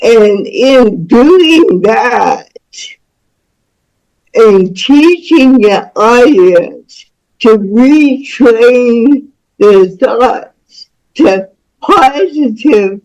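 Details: Woman about to turn 49 with cerebral palsy since birth (umbilical cord around her neck five times; doctors said she would never walk or talk), with spasticity; speech disorder not named; dysarthric speech in cerebral palsy.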